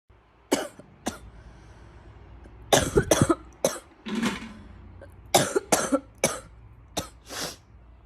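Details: Girl with bronchitis coughing: about ten short, harsh coughs in clusters with audible breaths between bouts.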